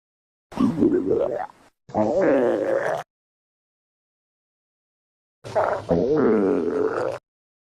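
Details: Three loud, drawn-out, groaning gurgles separated by silence: stomach growling (borborygmi).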